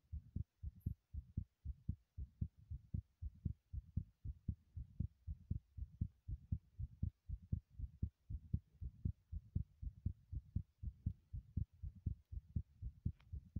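Fast, regular low thumps of a heartbeat during running, around 118 beats a minute.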